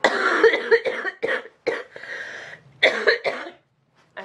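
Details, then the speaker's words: Person with a cold or allergies, congested cough for one to two weeks plus sinus pressure headache: several loose, wet-sounding coughs in short bursts with throat rattle; congested, productive-sounding cough. "this cough with congestion and I had that before I started feeling crappy I had this cough congested cough for like a week or two not if not two weeks"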